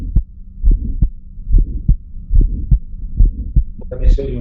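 Child heart sounds with a sharp early-systolic ejection click and a systolic murmur, easily mistaken for a split first sound.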